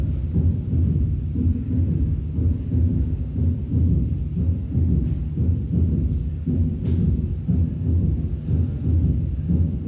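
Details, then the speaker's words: Third heart sound (S3), heard in diastole immediately after the second sound, produced by rapid blood filling striking the ventricular walls; may occur physiologically or with volume overload. "poco cuando sobre carga de volumen también se puede escuchar este este sonido que es producido por el golpe de la sangre en forma rápida hacia las paredes ventriculares."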